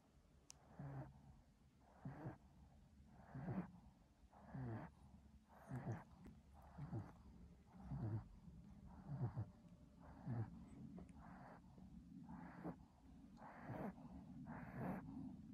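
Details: A sleeping Chihuahua dog: quiet, rhythmic snorting snore with each breath, about 50 breaths a minute; snoring.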